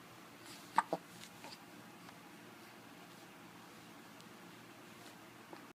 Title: Those dang hiccups again